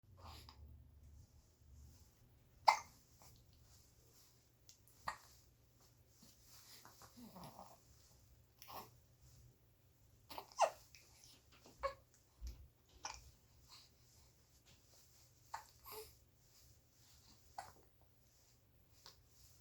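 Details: Hiccups in a happy 67-day-old baby: sharp, brief catches of breath recurring irregularly every few seconds, with soft baby noises and quiet room sound between.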